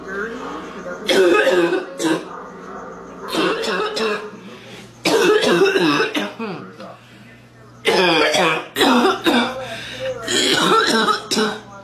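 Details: Adult woman smoker with a deep, congested, harsh barking cough, coughing repeatedly in a small room.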